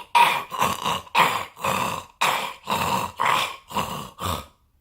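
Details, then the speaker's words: Human imitation of inspiratory stridor from laryngeal collapse (collapse of the cuneiform and corniculate cartilages) in short-nosed brachycephalic dogs and cats: a harsh, raspy, higher-pitched noise on each in-breath, about eight in five seconds. "also what we can see is collapsing of the cartilages as well the cuneiform the cornu ake processes just inside the larynx here which causes that the larynx to essentially on the in-breath collapsing and that kind of sounds more like a"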